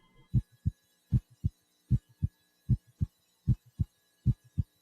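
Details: Clean, regular lub-dub pairs at about 77 beats a minute with no extra sounds or murmur; normal heart sounds heard with a stethoscope in an adult man during a complete physical examination demonstration.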